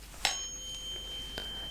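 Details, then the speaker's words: Sharp strike, then a steady high pure ringing tone, then a second softer tap: a tuning fork struck and held in front of the forehead for a Weber hearing test in a simulated ASMR cranial nerve exam roleplay. "And I'm going to strike it. And just tell me if it sounds equal in both your ears."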